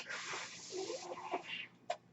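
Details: Airy hiss of the speaker's own mechanical ventilator between his words, with faint voiced sounds and a brief click.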